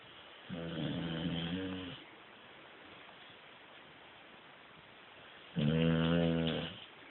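Two slow, rough, rattling breath noises several seconds apart over quiet room noise; snoring from a sleeping puppy.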